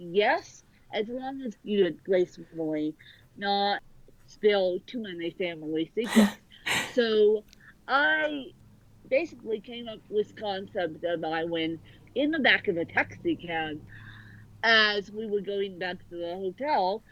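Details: Adult woman born with cerebral palsy affecting both sides of her body; speech largely unintelligible to automatic transcription; dysarthria (cerebral palsy).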